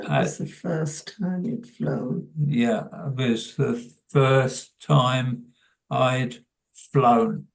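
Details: Adult man with primary progressive aphasia; hesitant speech; primary progressive aphasia.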